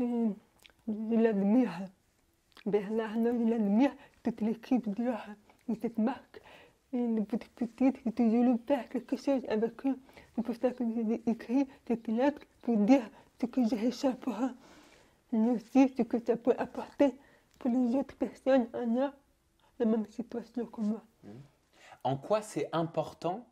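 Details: Young French-speaking woman, deaf since birth, wearing hearing aids since birth and recently new ones, speaking orally while lip-reading. Speech of a person deaf from birth.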